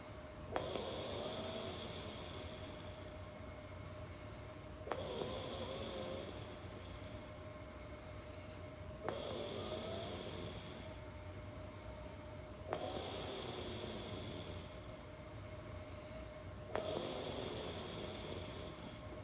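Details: Person with snoring, sleep deprivation and sleep apnea using CPAP (ResMed AirSense 11): rhythmic breathing noise about every four seconds over a faint steady hum.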